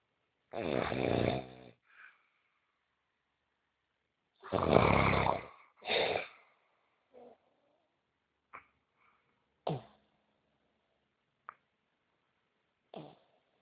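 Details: Person snoring through the night: loud, harsh, buzzing snores, then softer broken breathing noises and faint snorts in a quiet room.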